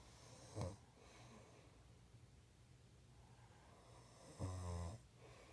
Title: Daddy snoring